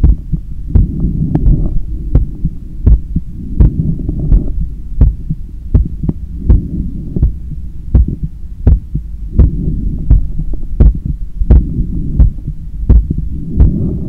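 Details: Normal heart sounds recorded with a stethoscope on the chest after a 10 km run, lying on a daybed leaning on the left side while controlling breathing: strong, thumping heartbeats about 85 a minute, low rumbling background.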